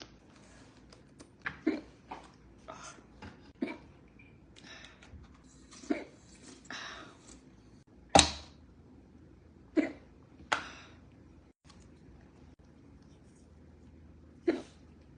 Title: Cute hiccups